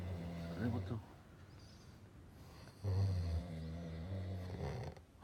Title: snoring..